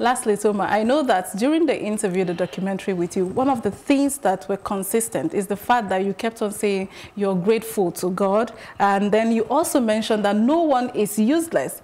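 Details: Adult woman, TV host; Typical speech.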